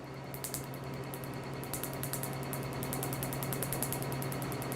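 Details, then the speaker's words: PicoSure picosecond laser removing a 12-year-old tattoo on an anaesthetized area, with the skin frosting: rapid, steady snapping clicks of laser pulses, about 200 per minute, over a low room hum. "what the picosure does is by the trillions of a second enough to break down the fragments and start to treat it"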